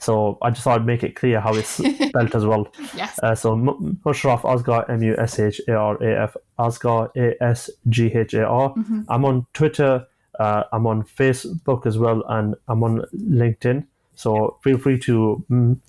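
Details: 25-year-old man who has stammered since childhood; stuttering (stammering).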